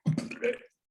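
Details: Demonstration of esophageal speech while counting: air is injected into the upper esophageal sphincter and the esophagus serves as the sound source instead of the larynx, as after laryngectomy.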